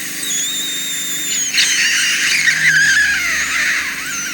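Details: High-pitched hissing suction with whistling tones that shift and gurgle as wax is drawn from a narrow ear canal; endoscopic ear microsuction by a nurse.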